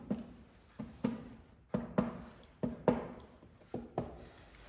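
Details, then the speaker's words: Percussion of the posterior chest during a respiratory physical exam, comparing right and left: paired hollow taps giving the normal resonant (sonor) percussion note; hyperresonance would suggest COPD or emphysema. "Dan biasanya berbunyi sonor ya, namun apabila ada hipersonor itu ada indikasi lain."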